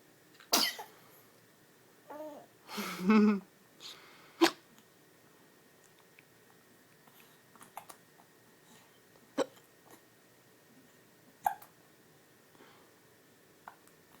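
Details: A baby with hiccups: several short, sharp catches of breath spaced a few seconds apart in a quiet room, typical of an infant's hiccups.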